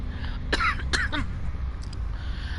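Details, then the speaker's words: Two or three short coughs with throat clearing over steady background noise from someone with an ongoing cough issue during an ASMR live stream; cough. "Sorry about that cough, guys. I have a little bit of a cough issue right now."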